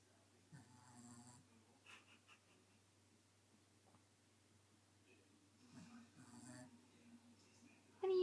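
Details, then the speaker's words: Dog Buddha snoring while awake: two rough, fluttering snore-like breaths about five seconds apart, with quiet room noise between them. "Buddha what are you doing are you tired Buddha Buddha are you tired H what are you doing are you done snoring"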